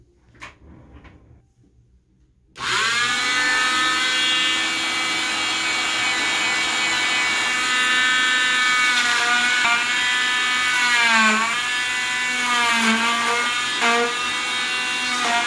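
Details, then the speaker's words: Cast saw and cast vacuum removing a short leg plaster cast by the in-and-out method, leaving the cotton padding intact: a loud, steady high-pitched whine with the pitch dipping as the blade goes in and out of the plaster. "because we know that the cast saw and the the cast vac working together in unison they they're they're a bit loud"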